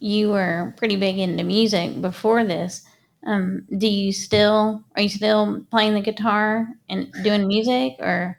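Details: Adult woman speaking; normal speech.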